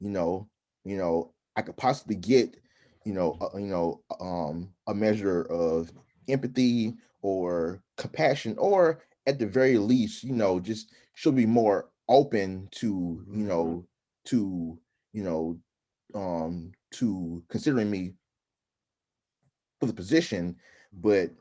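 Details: Adult man who stutters, with repetitions and interjections; stuttering.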